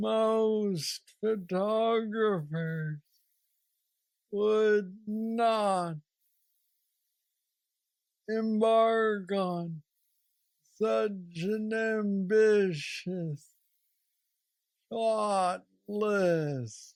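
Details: Man diagnosed with aggressive Parkinson's disease at age 35, now 46 (about 11 years since diagnosis), with mobility struggles; treated with a deep brain stimulator (neurostimulator implant) placed two years after diagnosis; Parkinsonian hypokinetic dysarthria.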